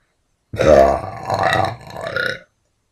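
One long, loud, voiced belch lasting about two seconds, rising and falling in pitch: a burp.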